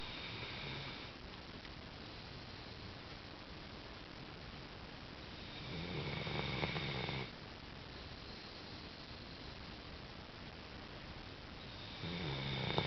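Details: Little girl snoring during sleep, keeping the family up all night: soft, low rumbling snores roughly every six seconds over steady room hiss.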